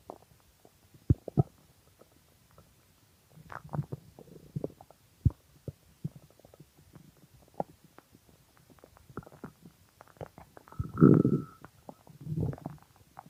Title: Extremely Hungry Stomach Growling